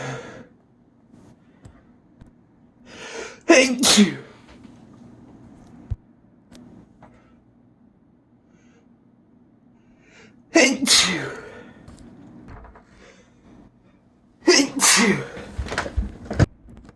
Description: These sneezes were SO BIG and so satisfying.